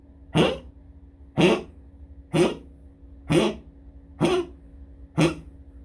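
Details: Dog coughing in a toilet before urinating: six short, sharp coughs about one per second in a small room with faint background hum.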